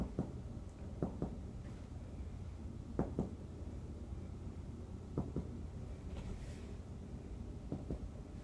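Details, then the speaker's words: Simulated nursing respiratory assessment: anterior chest percussion in the intercostal spaces, in a ladder pattern from apices to lung bases; nice resonant percussion sounds heard all over, a normal resonant note. "all right so that was my anterior percussion and i heard nice resonance sounds all over"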